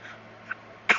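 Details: A young girl's deliberate fake cough in the morning: a single sharp burst after a small throaty sound.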